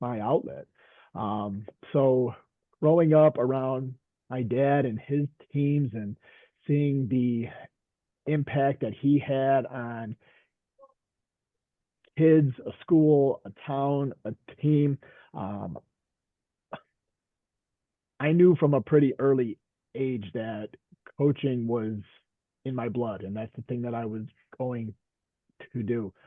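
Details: Adult veteran high school coach and special education teacher who stutters; stuttering.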